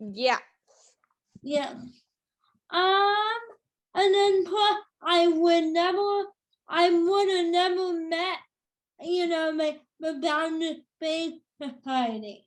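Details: Adult woman with cerebral palsy since birth, which she says has become tighter with age: dysarthria (cerebral palsy).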